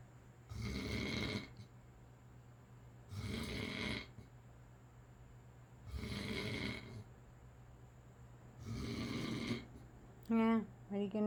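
Four regular, rough snoring breaths about three seconds apart, roughly 22 a minute, with a steady background hum and a baby's voice at the end.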